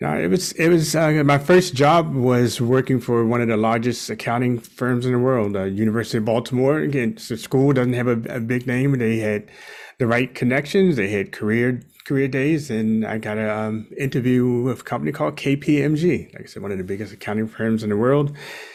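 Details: Adult male speaker; normal conversational speech.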